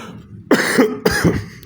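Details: Two short, moist-sounding coughs from an adult who says they are sick, resting with a pet cat in a quiet room.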